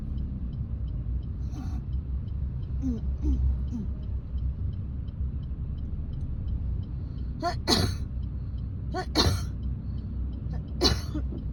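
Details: Adult woman coughing while driving, unable to clear phlegm: muffled throat clearing then three harsh coughs over car engine rumble.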